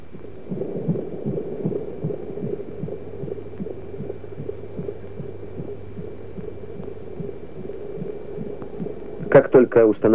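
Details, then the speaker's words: 1974 film on anaesthesia in childbirth, labouring woman on a Partekust monitor recording uterine contractions and fetal heart: rapid rhythmic throbbing pulses over a steady hum, about 120 a minute, brief speech at end; fetal heartbeat on monitor. "С помощью аппарата «Партекуст» регистрируется сократительная деятельность матки и сердцебиение плода."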